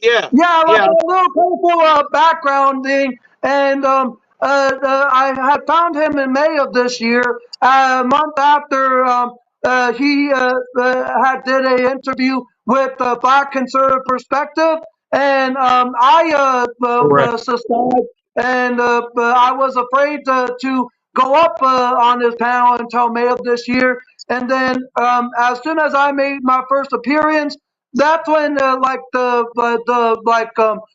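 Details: Male with stuttering as part of a speech impediment he links to his diagnoses of mild high-functioning autism, ADHD, bipolar disorder and seizure disorder; stuttering.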